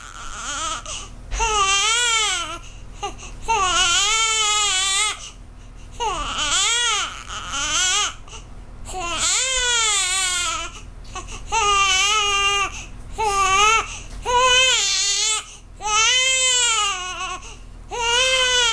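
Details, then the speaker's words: Baby girl crying with repeated rhythmic wails and brief breaths between; she is hungry and sucking the caregiver's arm; normal infant hunger cry. "She's hungry. She's sucking my arm."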